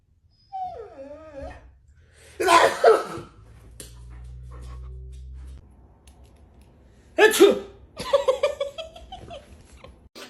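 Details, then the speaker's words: After a person fakes sneezes at it, a dog gives two short, sharp sneezes between the person's playful sounds: dog sneezing. "Fake sneeze at your dog. Fake sneeze in front of your dog. Excuse you."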